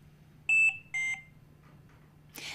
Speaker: Trilogy 100 also has a number of low priority alarms which convey information you should be aware of for example a button is stuck or the detachable battery needs to be charged low priority alarms are two beeps together in a repeating pattern